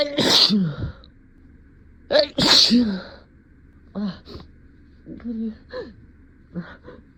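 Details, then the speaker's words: Two forceful induced sneezes with audible intakes, then softer sniffs and brief voiced sounds, in a simulated skit of an adult denying cat allergy after bringing home a new cat; sneeze. "oh me sorry whiskers I didn't mean to scare you it's just a sneeze see come back come here"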